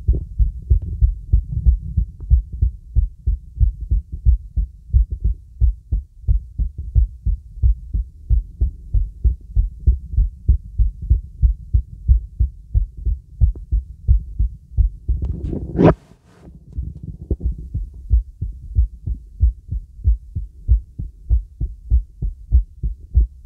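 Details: Heart auscultated with the bell during a relaxing full-body auscultation on a girl using a real stethoscope: normal heart sounds.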